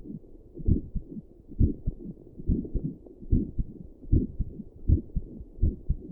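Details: Adult's own heartbeat recorded by doppler plus stethoscope while sitting at a desk at rest, with visible neck pulse: steady low whooshing thumps, about 75–80 beats a minute, regular rhythm; normal resting heartbeat.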